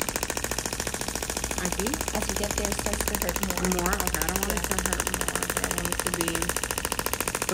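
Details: Rapid rhythmic clacking pulses with quiet talk in the background, from a shockwave therapy device treating a female patient's arm scar; she rates discomfort as three, and it eases palm-up/palm-down tightness.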